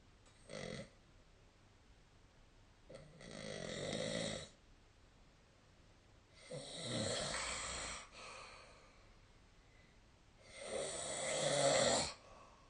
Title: 🐽 本日のイビキ / Snoring Sleep Sound 2025/03/17